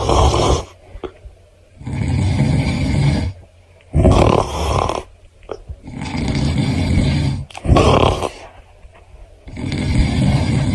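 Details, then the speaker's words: Loud, deep, rhythmic snores at about 16 breaths a minute in a small quiet room; a person tries to rival a housemate's very loud snoring with his own, then admits the fake snoring can't win. "僕の家に住んでるねあの魔物のいびきがとてもうるさいので僕もねいびきで対抗してみたいと思いますいびきで対抗しますが"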